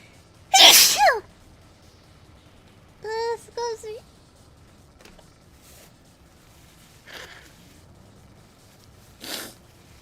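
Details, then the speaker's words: Woman with sudden allergies she attributes to cat exposure, sneezing while talking on a stream: one loud, sharp sneeze burst, then a few short voiced sounds and faint breaths. "well, at least I know the reason for my allergies all of a sudden now. It's because I had too much exposure to cat. Oh, there's that sneeze."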